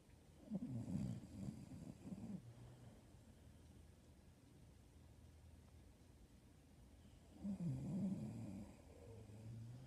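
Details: Two low, fluttering snores about seven seconds apart, each a vibrating rumble on the in-breath, with quiet breathing between; snoring.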